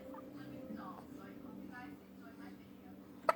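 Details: Soft background talking and a steady hum, ending in one sharp, abrupt hiccup from a young child who has the hiccups.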